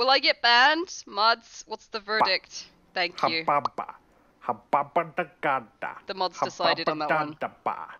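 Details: Speech with vocal tics from a woman with Tourette syndrome; finding: Tourette syndrome vocal tics.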